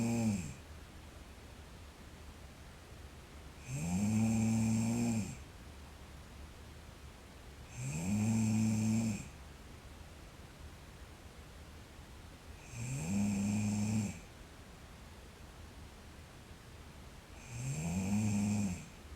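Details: Sleeping girl snoring: regular low, buzzing snores on each breath in, about 13 breaths a minute, quiet between, with a faint steady hiss behind.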